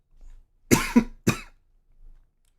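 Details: Post-viral cough.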